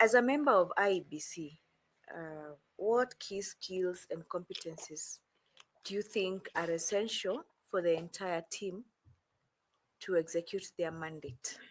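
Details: Adult speaker; normal speech.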